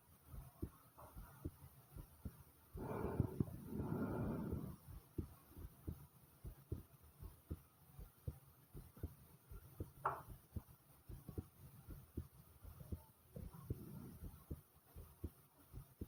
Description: my heart was pounding fast and you heard my stomach as well